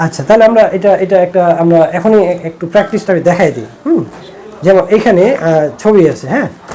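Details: Adult speaker (speech therapist); typical speech.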